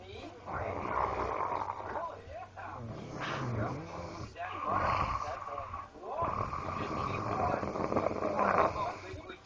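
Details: A man snoring very loudly: loud, rough, rattling breathing in long repeated bursts; heavy snoring.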